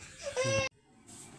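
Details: Baby gives a single short high-pitched wail, cut off abruptly, then quiet room sound: infant crying.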